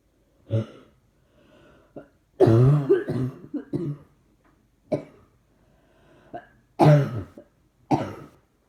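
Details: Repeated harsh coughs and throat clears, some in short runs, with quiet breaths between. The person says trying not to cough seems to make it happen more. Ongoing cough.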